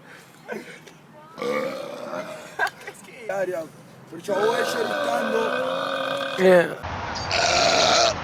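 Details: Repeated burping: several voiced, drawn-out belches, some short and one long and loud, with a brief noisy burst at the end.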